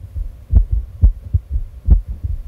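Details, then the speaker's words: Stethoscope heart sounds that are not fast but irregular, with uneven spacing between beats, due to extrasystoles (occasional abnormal beats). "No va muy rápido, pero es irregular. Y ahora nos dices que no es necesariamente grave. De hecho, no siempre es grave, corresponderá a extrasístoles."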